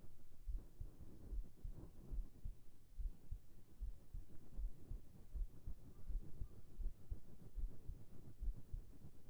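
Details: ASMR heart sounds for sleeping, recorded with a whispered voice: soft, steady low thumps at about 75 beats a minute under a faint hum, a normal heartbeat.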